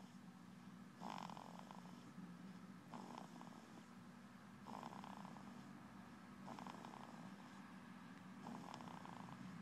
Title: snoring